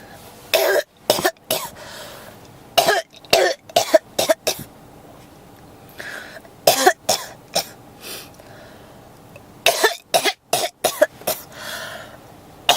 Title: 咳が止まらない 32 cough